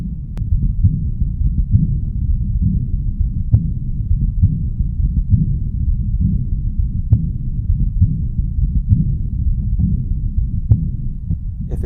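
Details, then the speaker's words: Systolic outflow murmur accompanying aortic regurgitation, heard best in the aortic region at the right upper sternal border; low rumbling heart sounds with whooshing murmur, usually quieter than the diastolic murmur and hard to appreciate beside it. "that should be occurring during systole it can be sometimes hard to appreciate with the diastolic diastolic murmur occurring and generally speaking it should not be as loud as a diastolic murmur"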